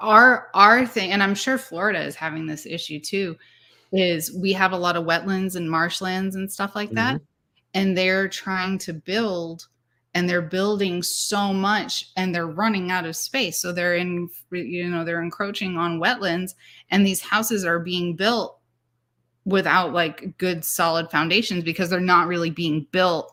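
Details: Adult speaker; ordinary speech.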